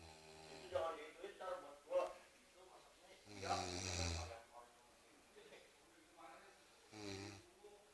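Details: Harsh throaty snore bursts on inward breaths, mixed with low voiced sounds and quiet gaps, from a person snoring during sleep; snoring.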